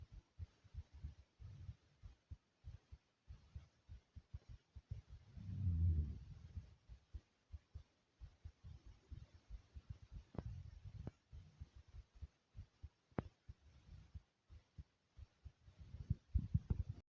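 Soft, muffled low thumps repeat steadily under room hiss and a brief rumble: an ordinary heartbeat.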